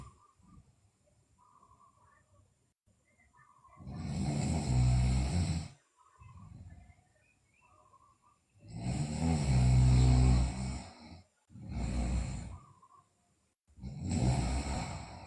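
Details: Deep, rumbling snores on each breath in from a sleeping girl, with short quiet gaps, about six to seven breaths a minute, faint background noise; snoring.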